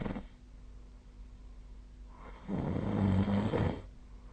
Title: 🐽 本日のイビキ / Snoring Sleep Sound 2025/01/23